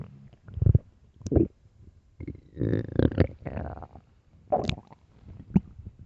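Gurgling, squelching stomach growls in short bursts; ordinary loud bowel sounds of hunger.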